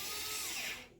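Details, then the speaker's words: Steady high motor whine of an EZ-IO powered intraosseous drill driving a needle into bone on a training model, drilled until loss of resistance, fading as drilling stops. "again you're going to drill until you feel the loss of resistance and at that point you want to stop"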